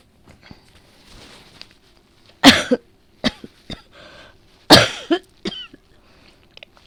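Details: Person with a cold that began with a sore throat, now coughing up a lot of phlegm: two loud, harsh cough bursts with rattly, wet follow-through and throat clearing between; productive cough.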